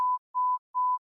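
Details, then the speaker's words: Sample tone of an AirPods Pro hearing test in the Health app, played before testing: three short, evenly spaced pure mid-pitch beeps, repeated during the test. "我们可以先听一下样本声一会在测试的过程中将会反复听到这段声音"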